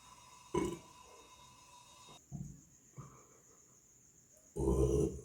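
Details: Burping in another "black and white" burping video: three low, throaty bursts separated by pauses over a steady background tone.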